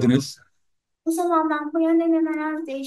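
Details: Young woman after surgery for sulcus vocalis, a usually congenital vocal fold defect: less breathiness, voice improved to about grade 1 or grade 0 dysphonia; improved voice after sulcus vocalis surgery, mild to no dysphonia.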